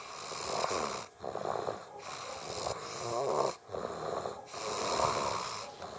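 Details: Young girl who passed out asleep in her highchair after a long day (June 2012): continuous rattling, snorting breath noise with short pauses between breaths; snoring.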